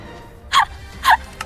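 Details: Three quick, stifled sneezes in a row from an adult, two clear and a fainter third; sneeze.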